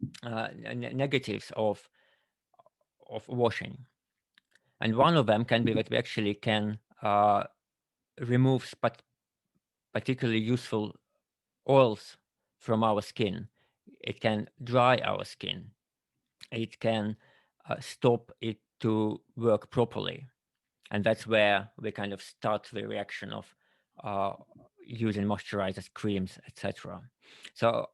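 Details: Adult male with tongue cancer five years earlier, tongue no longer as it was, giving altered speech; altered articulation after tongue cancer.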